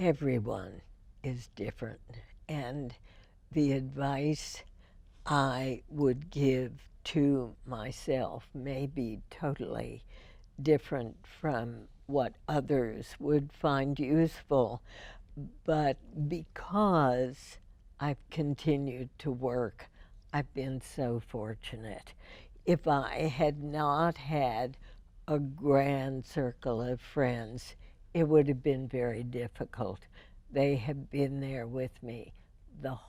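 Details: Adult female with spasmodic dysphonia, first diagnosed in 1998, treated every four months with botulinum toxin injections into the vocal cords; spasmodic dysphonia.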